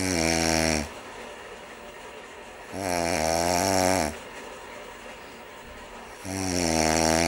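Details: Loud, deep, rattling snores on each breath, about 18 a minute, with quieter breathing between: heavy snoring.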